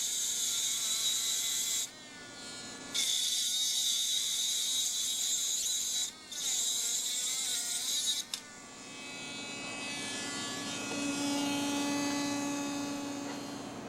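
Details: Dental lab: high-pitched handpiece whine, dipping as an aluminum oxide separating disc bites into cast metal crown copings to cut off the sprues, then spinning down.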